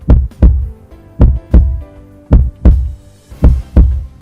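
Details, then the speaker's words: Heart sounds recorded by a digital mobile stethoscope on a rural telemedicine device: paired low thumps, about 54 beats a minute, with a faint musical hum behind. "another special feature of the device is that it comes with a digital echo mobile stethoscope that can record and update the sounds of heart"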